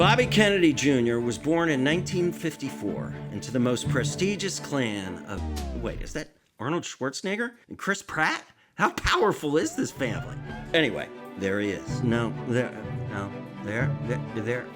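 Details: Adult male narrator; normal speech.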